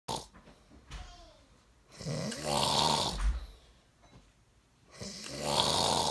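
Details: An adult man (husband) snores while sleeping: loud, rough, rattling snores on inhalation, about 20 breaths a minute, with quiet pauses between them.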